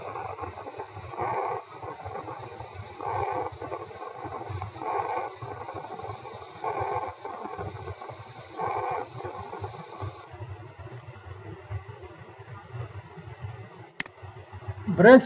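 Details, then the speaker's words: Example recording of rhonchi (sonorous wheeze), linked to secretions obstructing the airways, e.g. in COPD: low, rumbling, snore-like breath sounds recurring in a steady rhythm. "ronai is typically associated with the secretion that are obstructing the lung Airways causes of ronai chronic obstructive pulmon disease also cause and this is example of the snow Rus wh or the wrong kind like"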